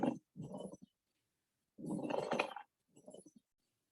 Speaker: This is a pleural rub.